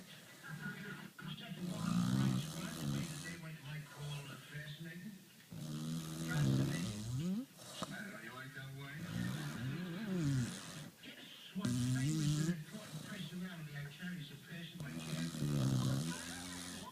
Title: my dog SNORES!!!